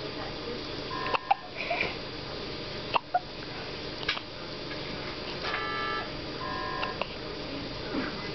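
Quiet room with a few brief, sharp hiccup sounds from an infant, spaced irregularly, with faint beeps in the background.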